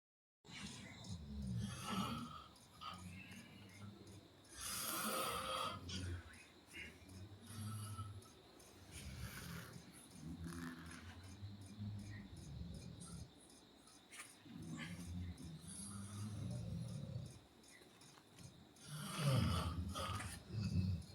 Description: Turning the lights off doesn't mean it’s quiet. If you’ve ever lived with a professional snorer, you know this struggle.Tag someone who snores like this!